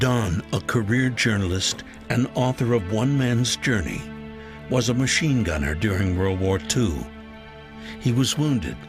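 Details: Adult male narrator; ordinary speech.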